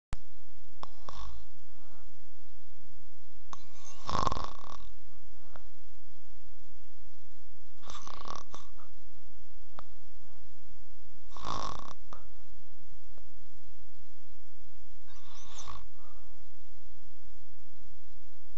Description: Caught on camera snoring during a nap.